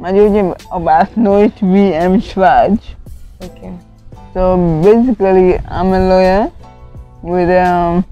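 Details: Adult woman with cerebral palsy from lack of oxygen to part of her brain, impairing coordination; could not talk at first; dysarthric speech in cerebral palsy.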